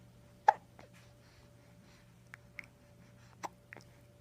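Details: Baby boy's hiccups while being talked to: several brief, sharp, soft hiccup sounds at irregular intervals over steady room hum.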